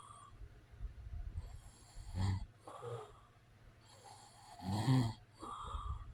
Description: This is a white noise video. It's real sounds of a man snoring.